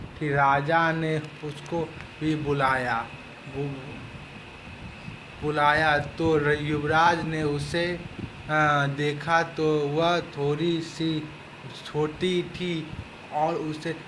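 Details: Stammering in a Hindi-speaking client of a stammering therapy centre, recorded for a therapy-success testimonial.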